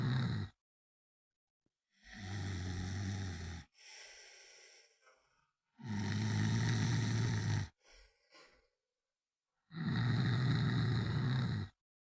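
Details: Loud rattling snores on each in-breath with quiet out-breaths, about 16 breaths a minute; one minute of snoring.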